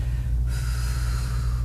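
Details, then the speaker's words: Simulated nursing demonstration of metered-dose inhaler administration: a steady, breathy exhaling hiss over low room hum as the breath is let out through pursed lips after holding the inhaled dose 5 to 10 seconds; pursed-lip exhalation. "Hold it 5 to 10 seconds and then breathe through purse lips out."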